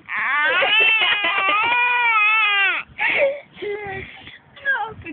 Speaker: Wawa. Wawa. Totoong iyak e. May luha na eh.